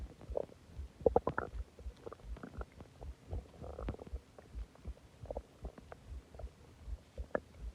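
Loud, irregular gurgling and rumbling with bubbly squeaks and low groans from the belly; borborygmi, ordinary stomach growling after a large meal and soda.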